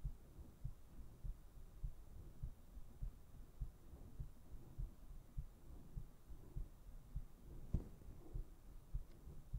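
Steady low thumping heartbeat at about 100 beats a minute over a soft background hum.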